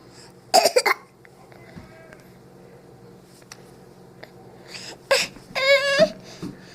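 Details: Young child asking for medicine, claiming to be sick, gives a few short, forced pretend coughs rather than an illness cough.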